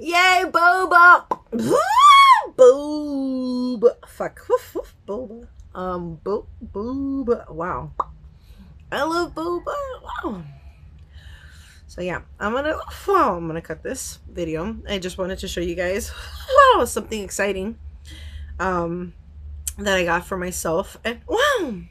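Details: Vocal tics in an adult woman with Tourette syndrome, worsening badly at this point, with repeated "wow" interjections; she has not yet started new medication.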